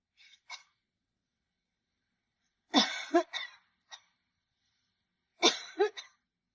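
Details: Adult woman coughing in a quiet room: soft throat sounds, then two clusters of three or four short, dry coughs each.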